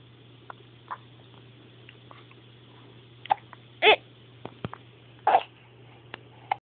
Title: hiccups =P